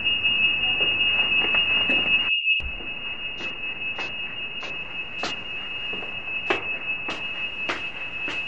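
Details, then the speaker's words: A high, steady electronic tone with repeated short beeps, heard faintly at a distance: the Nanny BM-2 baby movement monitor alarm, which sounds when no movement is detected for 20 seconds or breathing falls below 8 per minute; apnoea monitor alarm. "if no movement is detected the alarm will come on automat aut atically after 20 seconds as well if your baby sound you're breathing less than 8 times a minute the alarm will also go off one floor up and we can still hear the alarm let's try"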